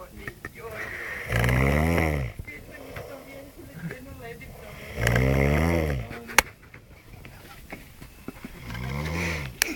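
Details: Snoring by someone described as drunk: repeated low, rattling snores on each breath in, with quieter breathing between.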